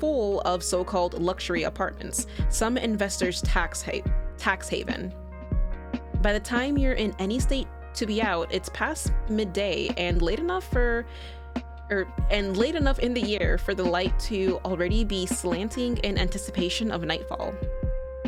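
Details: Adult woman, real, self-reported stutterer reading text aloud, saying a particular word is very hard for her; stuttering.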